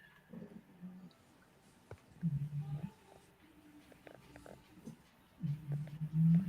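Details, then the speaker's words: Snoring from a sleeping dog in a quiet room: low, rumbling snores repeating every couple of seconds. "could always tell that Duke is sleeping with the Giant snore in the background you hear they all just actually they all just assume position yeah pillow one's laying beside the pillow and they are just started snoring actually"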